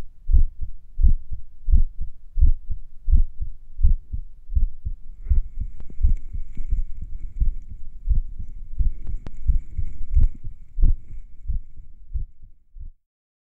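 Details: Heart sounds recorded a few minutes after finishing morning exercises: beats near 87 a minute with uneven spacing and brief pauses, faint background hum, sinus arrhythmia during recovery.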